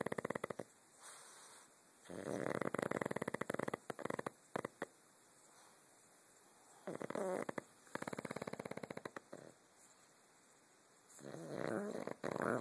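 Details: Sleeping dog snoring: soft, fluttering snores with quiet breaths in between and faint room noise; ordinary canine snoring.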